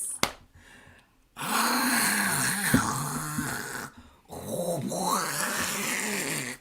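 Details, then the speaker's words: Two long, harsh, rattling snores with a wavering, gurgling pitch, separated by a brief pause, from a sleeping person in a small quiet room: loud snoring. "ben sleeping is like an extraterrestrial coming to visit earth and telling all of the pigs that they've got it wrong wow like this is how best snores"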